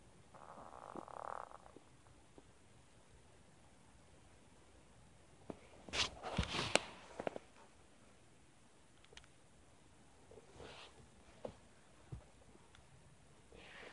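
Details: Adult's stomach growling: scattered low gurgles and rumbles over a quiet room background, bowel sounds.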